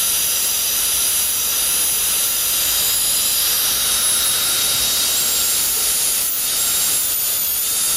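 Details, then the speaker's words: High-speed dental handpiece with diamond bur carrying the lingual finishing line into the gingival crevice on maxillary anterior teeth during 3-unit anterior bridge preparation: steady high-pitched whine and hiss, small pitch dips as it cuts. "with this diamond the finishing line now the lingual surface is carried just into the gingival crevice"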